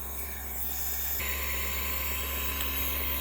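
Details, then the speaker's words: An Rcom Pet Curadle B90 nebulizer compressor pump runs with non-colloidal silver solution, producing a very fine mist. A steady, low mechanical hum has a faint hiss. The nebulizer compressor is running. "have a nebulizer pump that is hooked up here you could see the mist coming out which is very very fine I've got non colloidal silver in here so it's a very fine mist if you hold your hand over it you know you can barely see it"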